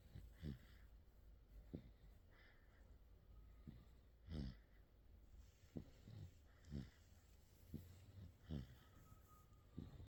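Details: 55-day-old sleeping baby: soft, regular snorting snores with each breath, about 60 a minute; infant snoring.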